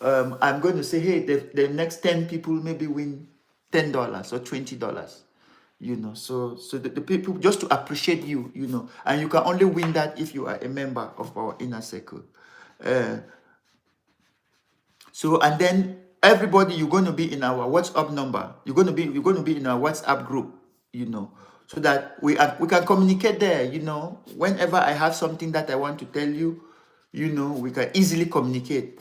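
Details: Adult man, severe stammerer since childhood, later diagnosed with attention deficit disorder (ADD), which he blames for word substitutions; still has difficulty pulling out words in this unedited live speech; stammering.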